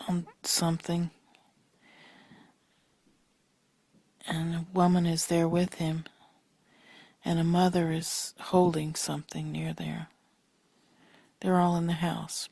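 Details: Patient with semantic variant primary progressive aphasia, which starts in temporal regions, describing the Cookie Theft picture; naming difficulties and word-finding pauses with vague, loosely related words; semantic variant primary progressive aphasia.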